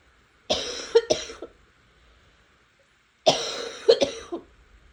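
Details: Two bouts of coughing, each a harsh burst followed by a few shorter coughs, about six coughs in all.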